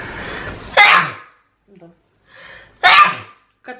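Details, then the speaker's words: Sick person with repeated sneezing and inflamed, watering eyes: two loud, explosive sneezes a couple of seconds apart, each preceded by a breathy intake; repeated sneezing. "ужасно, просто ужасно. Не болейте, не чихайте."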